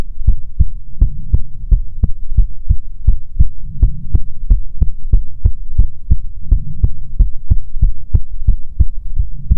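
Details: ASMR heartbeat recording: steady, rapid, evenly spaced soft thumps over a low hum; regular heartbeat sounds.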